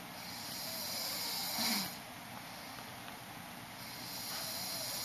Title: Snore attack